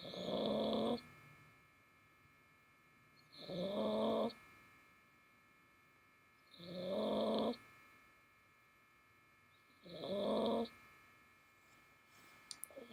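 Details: A sleeping dog, recorded with the ear close to it, gives loud, rough snores about every three seconds, roughly 18 a minute, in steady rhythm; normal snoring.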